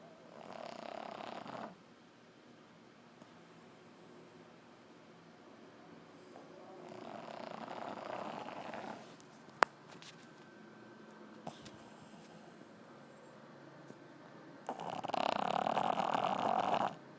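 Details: Loud snoring: three rough, rattling breaths a few seconds apart, the last loudest, with quiet room noise and a sharp click between; snoring.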